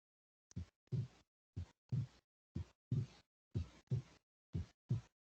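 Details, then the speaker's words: Heart sounds in a veterinary physiology lesson: the second heart sound splits with inspiration and returns to normal otherwise. "o Facebook com a inspiração ocorre o desdobramento da segunda bulha e com a inspiração as bolhas ficam normais"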